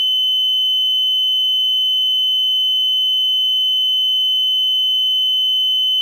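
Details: Cardiac multiparameter patient monitor sound effect: a steady, unbroken high-pitched tone with no beeping pattern; a monitor alarm tone.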